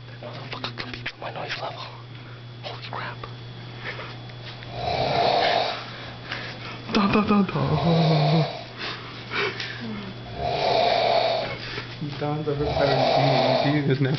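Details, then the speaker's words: Man snoring around 5:20 AM: loud, rough snores repeating irregularly in a quiet room, with a steady low hum underneath; heavy snoring. "Oh my God He's even louder than me He's even louder than Mark"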